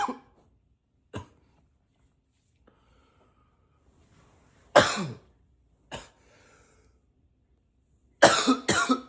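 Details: Acted, voluntary coughing, sometimes deliberately in a deeper voice: about seven separate coughs, single and doubled, a few pitched deeper, silence between.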